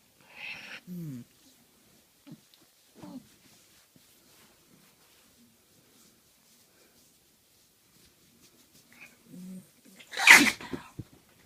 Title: dog sneeze